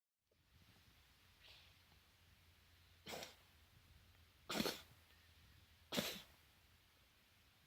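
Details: Cat with feline asthma coughing: three short, forceful, dry bursts spaced over a few seconds.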